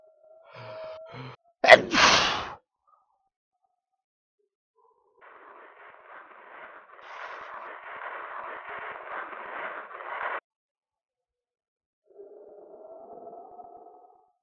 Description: A sneeze with hazardous consequences.